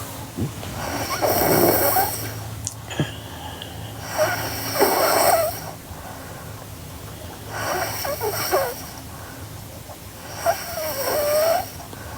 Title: Sleeping Girl Snoring (NGR) Part 3